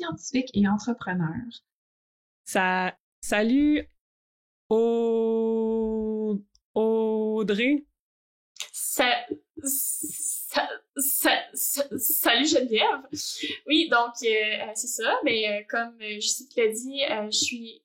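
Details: Adult woman who stutters, also has ADHD and has had speech therapy, speaking French; stuttering.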